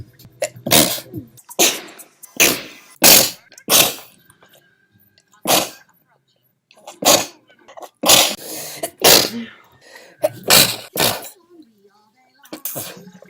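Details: Woman who has sneezed all her life, monthly compilation: a run of about a dozen sharp, explosive sneezes in quick succession with brief pauses, in a small room; sneezing.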